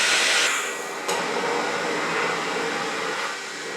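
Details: Philips Respironics Cough Assist E70 mechanical insufflation-exsufflation device running in extended auto mode. Rushing airflow shifts partway through as the device cycles between insufflation and exsufflation pressures.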